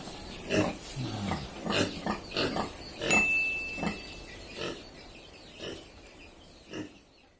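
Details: Pig (piggy) snoring sounds.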